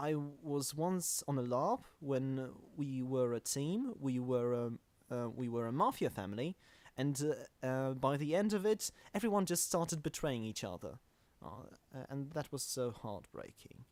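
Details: Real stuttering in a self-described stammering podcast host.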